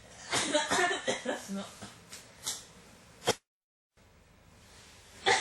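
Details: A run of repeated short, dry coughs followed by a few more isolated coughs: a persistent cough that won't stop, in quick bouts.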